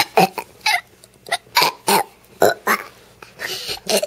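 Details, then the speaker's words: A rapid run of short, abrupt throaty bursts, about eight in four seconds, in a quiet room, from a young boy deliberately making himself burp on request: repeated voluntary burping. "say bye bye say see you later while you're burping"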